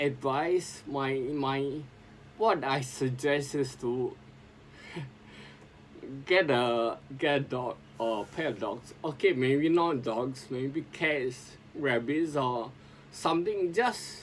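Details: Adult man with sporadic spinocerebellar ataxia since 2002, speaking as self-directed speech therapy; ataxic dysarthria.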